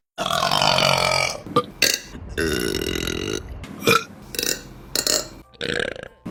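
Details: Series of loud, long and short burps in succession from women, from a burping compilation; burping.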